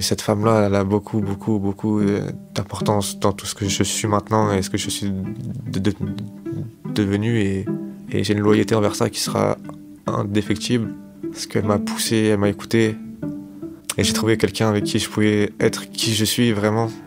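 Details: 25-year-old man who has stuttered since age 4, self-described as fairly severe and worse with stress, fatigue and in front of others; stutters less than in childhood but still stutters; stuttering.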